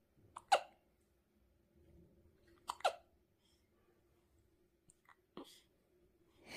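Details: Hiccups while smiling: soft, sharp hiccup sounds spaced a couple of seconds apart, with quiet room noise between them.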